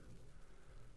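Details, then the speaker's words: A short, low, rumbling burp from an infant after feeding, described as remarkably satisfying; a normal release of swallowed air, an infant belch. "No nice young lady should belch. But wasn't that a remarkably satisfying burp to both baby and bystanders?"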